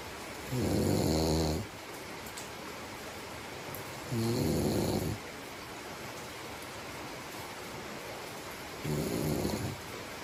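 Three loud, rumbling snores about every four seconds, roughly 15–17 a minute, with quiet breathing between them over a steady background hiss.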